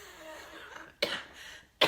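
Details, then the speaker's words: Cough from an adult woman with autoimmune hepatitis, recorded while she is talking. "this cough, sorry, I sound like an old lady."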